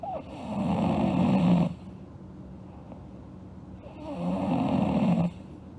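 Two long, harsh snoring breaths with a fluttering rattle and quiet pauses between, slow regular breathing in sleep.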